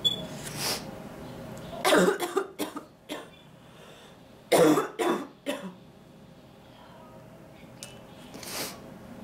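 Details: Woman with recurrent illness having cough attacks while cleaning the kitchen, dizzy and light-headed, blood coughed up earlier; two clusters of harsh, wet-sounding coughs with throat clearing between quiet gaps.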